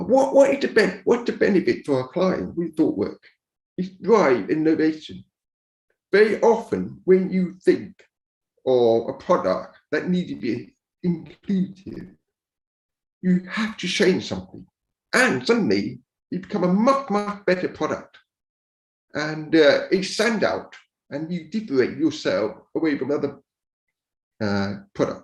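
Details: Speech of a man born deaf who learned to speak rather than sign and now uses a cochlear implant after years of hearing aids; he says his speech is not perfect. Deaf speech.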